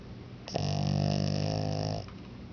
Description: My Lhasa Apso, Marvin. We caught him snoring REALLY loud! So funny!